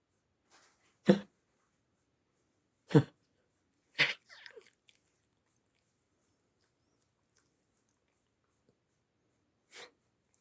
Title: In search of dog sounds – close-up of a coughing dog